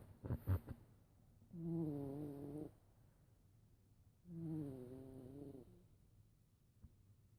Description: Cat snoring loudly